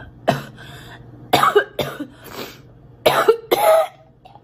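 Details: Girl coughing: several short, separate cough bursts, irregularly spaced, in a quiet room.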